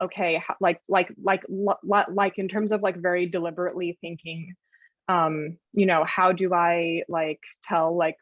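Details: Adult woman journalist who stutters, speaking with frequent fillers and blocks; stuttering.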